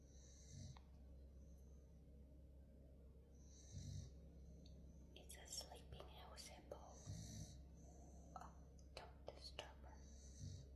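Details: Rhythmic snoring from a sleeping dog: one rough, hissy breath about every three seconds, over a steady hum.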